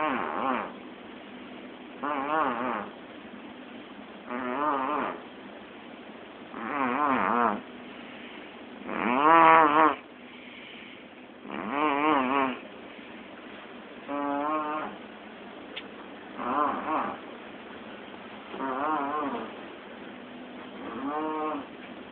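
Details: A person snores during an afternoon nap: regular vibrating snores with a fluttering, buzzing tone, about 25 breaths a minute, with quiet pauses between them; snoring.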